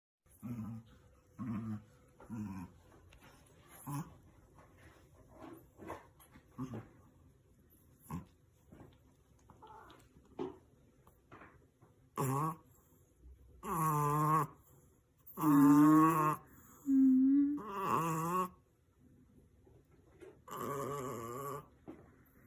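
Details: Chihuahua from Russia with stuffed nose snoring while asleep: quick, regular rasping breaths building into loud, whistling, whiny snorts.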